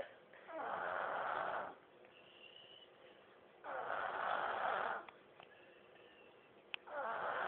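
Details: Snoring in a 3-year-old girl: steady, rhythmic snores on each breath in, about three breaths over several seconds, in a quiet room.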